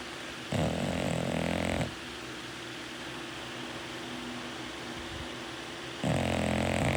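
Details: Sleeping bulldog snoring: two loud, rattling snore breaths about four seconds apart, with a steady low hum between them.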